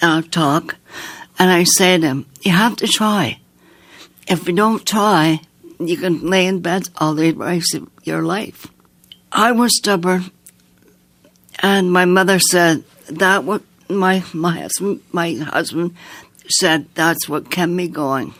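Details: Woman with aphasia after an aneurysm, heart attack and two strokes in 2012 at age 54, with right-side paralysis; relearned speech over nine months with a speech-language pathologist; sings more easily than she talks; speech worse when tired.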